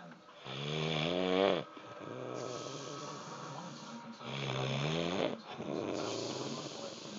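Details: Heavy, rumbling snoring "like a train" on breathing in, then noisy breathing out, about 17 breaths a minute.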